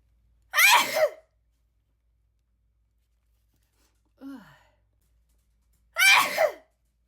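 Two sharp, explosive bursts of air a few seconds apart, with a brief voiced breath between them; two sneezes.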